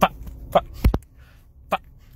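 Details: Vocal tics in an adult man with Tourette syndrome, during a haircut; he says anxiety and caffeine make his tics worse.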